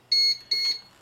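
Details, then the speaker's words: Two high, steady electronic beeps from an Infant Flow CPAP system during setup on a baby mannequin (simulated). The alarms are expected while the heated humidifier warms up with flow turned on; CPAP alarm. "okay now we're set we uh can go back down here turn it on and we want to turn on the flow at the same time here okay and we're going to be getting alarms until uh the system warms up"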